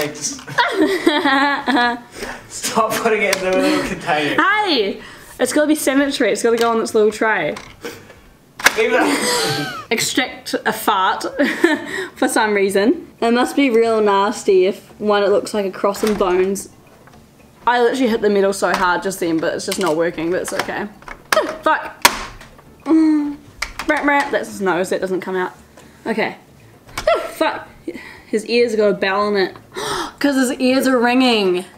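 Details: Teenager with Tourette syndrome speaking while playing a game; vocal tics may occur during speech.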